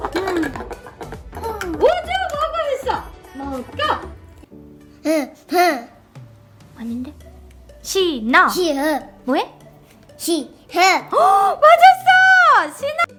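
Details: Child in a speech therapy session, imitating syllable count and intonation without correct vowels or consonants; childhood apraxia of speech.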